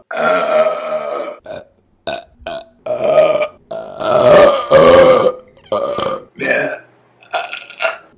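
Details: Compilation of a female's burps, recorded June to November 2022: a run of long, loud, voiced burps one after another, some drawn out; repeated belching.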